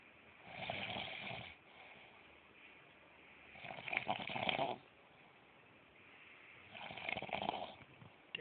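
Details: Three long, rough, rattling breath sounds a few seconds apart with quiet breaths between; loud snoring during sleep, recorded around 7 am.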